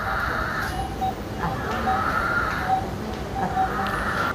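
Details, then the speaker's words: A recording of a real patient during a breathing assessment: noisy breathing with a high, whistling musical tone repeating with each breath, an audible wheeze of respiratory distress. "घरघराहट की एक स्पष्ट आवाज सुनाई दी। जिसकी आवाज़ मैं हूँ मैंने इसे रिकॉर्ड कर लिया।"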